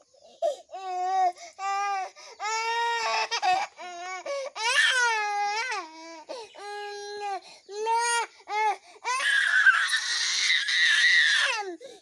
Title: cute baby cry